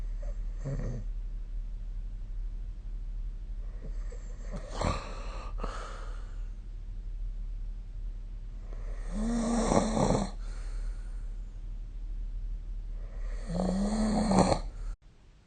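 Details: Snoring recorded with a smartphone snore-recording app: irregular rattling, snorting breaths during sleep over steady low room hum.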